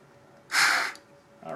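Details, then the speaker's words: A patient with a sense of chest tightness gives a single hard, rushing blow of about half a second: a maximal forced exhalation into a peak flow meter, one of three attempts to find the best. "what you're G to do is just take a nice slow deep inhale in and blow hard as as hard as you can just blow as hard as I can basically all"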